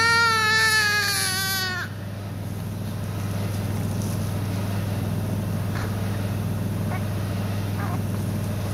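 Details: Newborn's brief cry cuts off into a steady low motor hum of a suction machine with faint gurgling, during nose and mouth suction using a size 6 NG tube.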